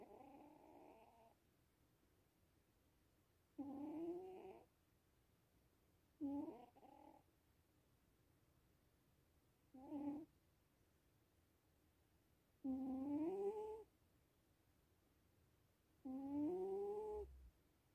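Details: Sphinx, a sleeping cat: soft, whistling, squeaky snores on the breaths with pauses between, about 18 a minute.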